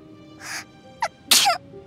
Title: ALL SNEEZES IN GENSHIN IMPACT!